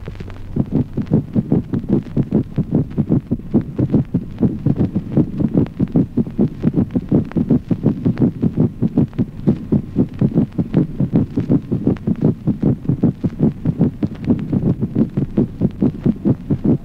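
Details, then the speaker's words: Mitral opening snap in rapid atrial fibrillation: fast, irregular heart sounds with an early diastolic snap barely separable at this rate. "ejemplo 18o chasquido de apertura mitral en la fibrilación rápida a consecuencia de la sucesión Veloz de los fenómenos cardíacos el ritmo de galope protodiastólico es apenas"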